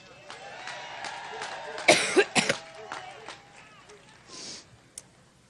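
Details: Three sharp coughs interrupting an amplified speech before a crowd, by a speaker who refers to an allergic reaction; coughing attack.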